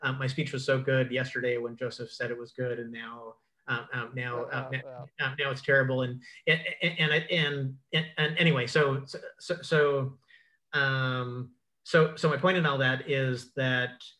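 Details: Adult man who identifies himself as a clutterer; cluttering.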